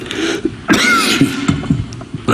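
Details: Politician coughing repeatedly while giving a speech at a parliamentary group meeting: a harsh cough burst followed by short throat-clearing sounds, heard over a public address system; cough.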